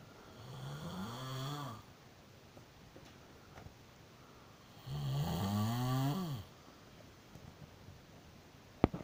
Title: I do not snore...